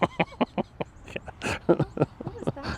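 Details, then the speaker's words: Brief explosive, hissy sneeze from a person in the background during foreground talking, said to sound like "hakua"; sneeze. "sneezed you sneezed no they sneezed but sounded like hakua"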